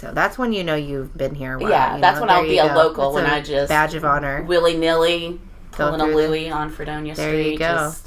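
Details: Adult speaker; normal voice.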